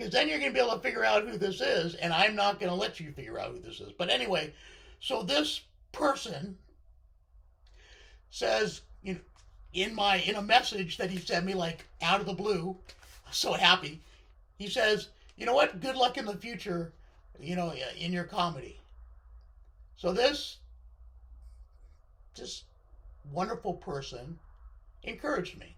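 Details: Male speaker with left-sided vocal cord paralysis following surgery, which limits his voice control; vocal cord paralysis (unilateral).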